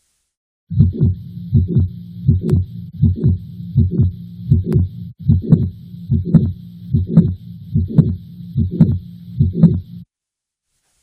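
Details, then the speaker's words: Simulated mitral valve prolapse with mitral regurgitation at about 73 beats/min: S1, S2 and a systolic MR murmur first, then a mid-systolic click added, so S1, click, S2 and murmur are heard together. "what I'm going to do is first play the S1 and S2 with the murmur of Mr that's all you're going to hear for the first beats and then I will add in the click so that you can hear everything together the S1 the click the S2 and the murmur of mitro"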